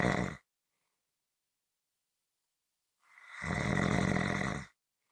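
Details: A rough, rumbling inhaled snore after a silent pause; ordinary snoring.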